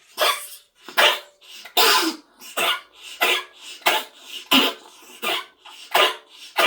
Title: coughing 1